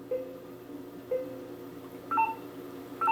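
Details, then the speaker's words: Dental computer-controlled (STA) anaesthetic device during a periodontal ligament injection at a right first molar: soft single beeps, then a louder two-tone beep signalling aspiration; patient then rinses. "that's the aspiration okay let me give you a little bit of water close and swish did you feel that much"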